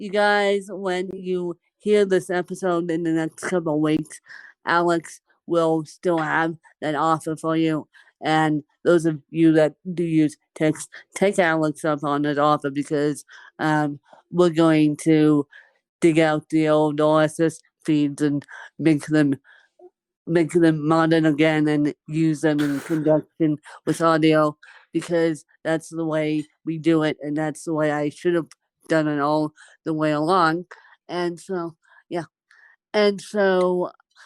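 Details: Dysarthria from cerebral palsy in an adult woman who has lived with cerebral palsy for over 30 years.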